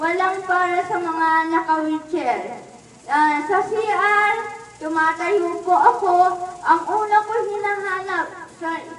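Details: Adult woman with cerebral palsy speaking Filipino. Dysarthria (cerebral palsy).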